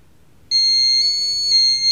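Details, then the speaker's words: Redsense fiber-optic blood leakage sensor patch correctly attached to the patient, demonstration of a smaller leakage: a sudden high-pitched electronic alarm tone with a warbling undertone as blood reaches the sensor. "in this example the sensor patch is correctly attached to the patient and you will now hear that we also get an alarm from a smaller leakage"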